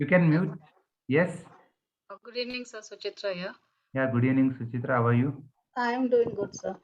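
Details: Adult speaker; no voice disorder.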